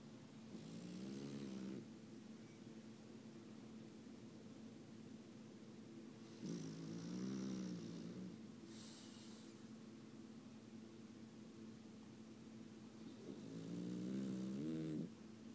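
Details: A French Bulldog snoring during sleep: three low, rattling, buzzy breath sounds about every six seconds over steady room hum.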